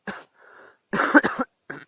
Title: Неудачные дубли или неудачи моих видео на 2-ом канале за декабрь,2016 год.Кашель,непонят.слова и др.